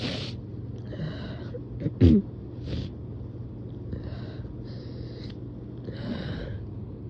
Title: Late night sleepy sneezes